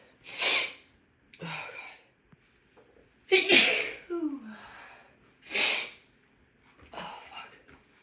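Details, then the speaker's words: Woman with a run of big, harsher-than-usual sneezes and a tickling nose, suspecting a grass pollen allergy: several forceful, explosive sneezes with gasping breaths between them. "Oh, I think I have to sneeze again. Oh, God. Oh, excuse me, they're so big."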